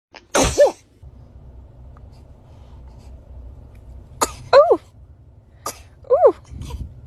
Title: baby Sneezed #shorts #shortvideo #baby #funny #comedy